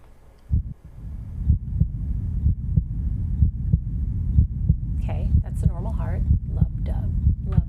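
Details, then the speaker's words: Normal adult heart sounds: steady, regular lub-dub at about 63 beats per minute, within the typical 60–100 range, played for comparison with a fast SVT heartbeat. "Love dub. Love dub. That's a heartbeating 63 beats per minute."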